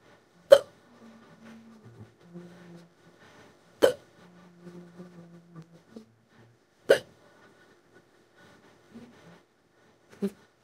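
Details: AI-made imitation of a female character with strong, throat-hurting hiccups lasting about an hour while her back is rubbed: four sharp voiced hiccups about every three seconds, roughly 18 a minute, with soft rubbing sounds between.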